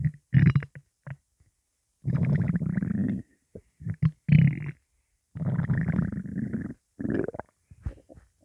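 Irregular low gurgling and rumbling bursts from the belly, a normal hunger rumble from gut movement.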